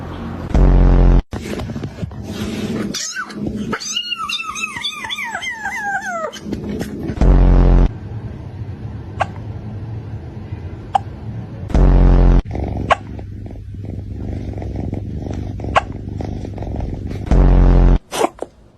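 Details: Cat with repeated hiccups: short, abrupt spasm sounds a few seconds apart with a brief meow; owner suggests it ate its food too fast.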